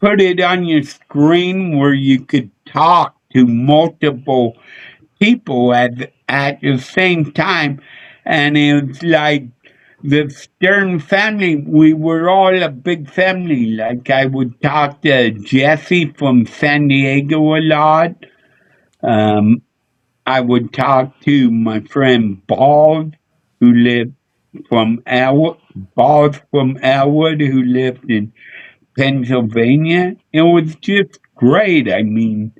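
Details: Adult male seen by a neurologist; MRI showed part of the back of the brain underdeveloped; as a child hit his head on a dashboard in a car accident, hospitalized a couple of days; often mistaken for drunk; slurred speech (possible dysarthria).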